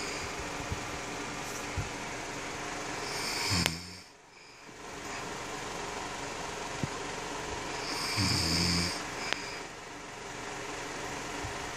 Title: Snoring hubby 😴 😴 😴 part 6